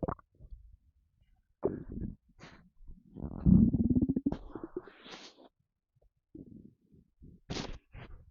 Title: Empty stomach rumbling